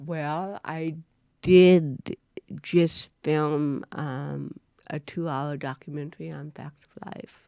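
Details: Woman (actress) with cerebral palsy, real, unacted speech in a studio interview; dysarthria in cerebral palsy.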